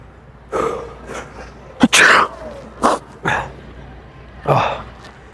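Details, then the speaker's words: Man with seasonal allergies during a bad allergy season sneezes repeatedly: a series of sharp, forceful bursts with throaty catches close together, like repeated sneezes and throat clearing. "Yeah, man. It's just It's just allergies. Allergy season is really bad."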